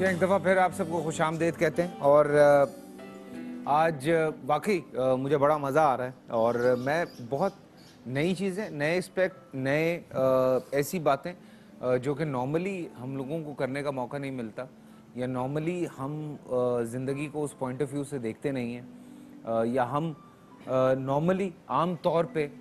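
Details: Adult male speaker; ordinary fluent speech.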